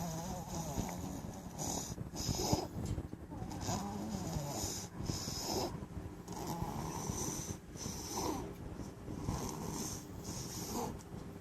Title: Snoring #chihuahuapuppy #chihuahua #chihuahuaworld #chihuahuaoftheday